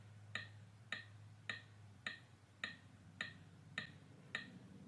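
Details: CPR metronome on a PRESTAN AED UltraTrainer during a training scenario, after the prompts "shock delivered, begin CPR": steady clicking beeps at about 105 a minute pacing chest compressions, with counted compressions in a 30:2 cycle.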